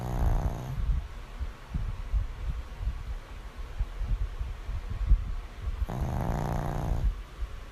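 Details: Two loud, rough snoring breaths with low, rumbling, quieter breathing between them; snoring.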